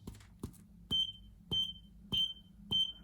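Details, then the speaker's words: Short high beeps about 100 a minute, each with a soft thump, from a vintage semi-electronic boso-tron blood pressure and pulse meter picking up the pulse during measurement; blood pressure monitor pulse beeps. "You can hear the pulse. And the 80. I believe that's a good value."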